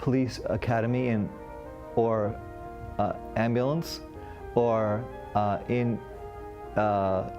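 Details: Broca's aphasia, a non-fluent aphasia caused by damage to the frontal lobe, usually of the left cerebral hemisphere.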